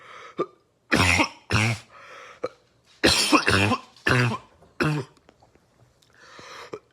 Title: Barking Cough Compilation 2